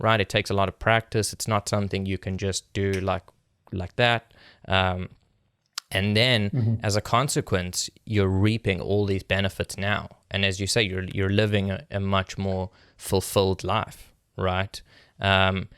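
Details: Adult male speaker; ordinary speech.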